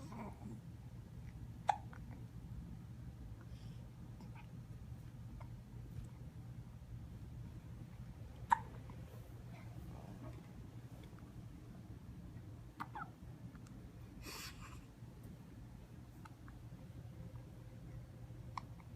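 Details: A 16-week-old kitten hiccups: soft, sharp hiccup clicks spaced irregularly over a quiet room hum.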